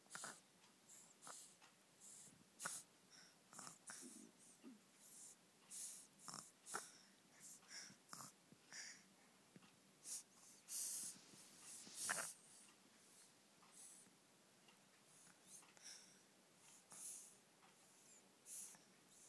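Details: A sleeping dog snores with repeated noisy, hissing and snorting breaths in a quiet room, louder than in an earlier recording: snoring.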